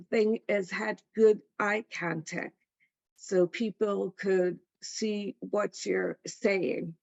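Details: Adult female stroke survivor with post-stroke aphasia who attends an aphasia center; aphasia.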